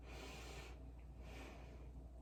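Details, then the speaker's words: Normal breath sounds on stethoscope auscultation of the anterior chest during a head-to-toe assessment, patient taking deep breaths: soft, even airflow in and out with no crackles, wheezes or diminished sounds; lungs clear. "so there appears to be no crackles no reasons in the interior view the lungs are clear"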